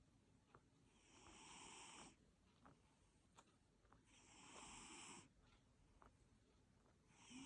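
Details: A chubby Abyssinian cat snoring in sleep: soft, hissing snores rising and fading with each breath, about 20 breaths a minute.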